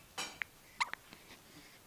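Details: Baby with hiccups: two short, abrupt catching sounds about half a second apart against faint room noise; infant hiccups.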